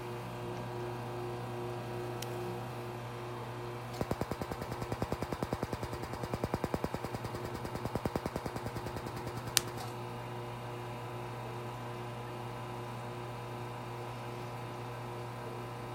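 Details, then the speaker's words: Rapid regular clicking, about 200 pulses a minute for six seconds, over a steady hum, as a Laser Genesis skin laser fires under the eyes of a goggled client to treat fine lines and heat the underlying tissue; aesthetic laser pulsing. "so we're just gonna begin with this laser you can see the nice little light bringing out there and she's gonna heat up the skin in the below the the tissues"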